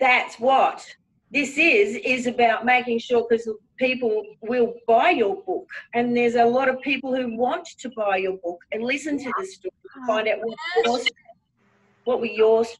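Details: Adult woman speaking; typical speech.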